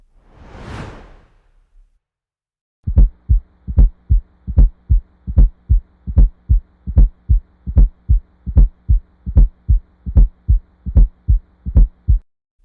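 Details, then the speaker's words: Regular heartbeat about 75 a minute with a soft extra low thud just before each first sound: S4 gallop, classically seen in hypertrophic cardiomyopathy and hypertension. "La bonne réponse est le bruit cardiaque S4. Le Le bruit cardiaque S4 se produit classiquement chez les patients atteints de cardiomyopathie hypertrophique et d'hypertension."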